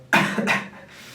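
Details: Adult with a sore throat and ongoing cough while recovering: two quick harsh bursts from the throat, fading out, a short double cough.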